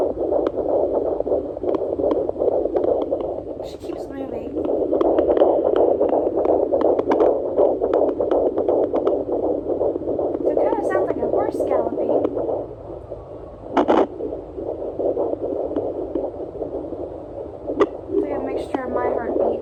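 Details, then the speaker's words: Fetal heartbeat at 22 weeks of pregnancy on a home fetal Doppler, the baby lying on the left side of the belly: rapid whooshing beats at about 165 a minute with scratchy probe noise. "oh there we go we're on the left side today the baby's on the side of my belly i lost it there we go"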